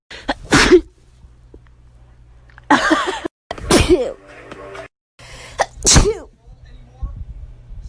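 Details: Sneezing from a TikTok compilation: three loud, explosive sneezes separated by brief pauses, with background noise and voices between them.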